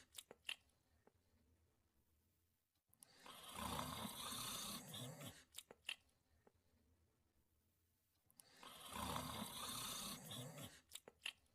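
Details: Sleeping dog snoring: two long, rattling snores about five seconds apart, with quiet pauses and a few soft clicks between them.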